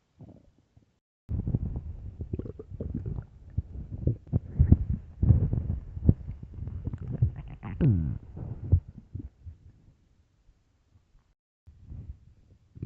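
Loud, deep gurgling rumbles lasting several seconds with squeaky rising notes, then quieter gurgles: ordinary stomach growling.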